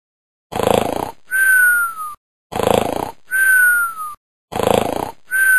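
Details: Rough snoring inhale followed by a falling whistle on the exhale, repeating about 30 times a minute; a cartoon-style snoring sound effect taken from a sound website.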